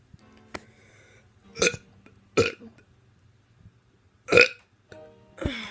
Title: Teen doing burps 14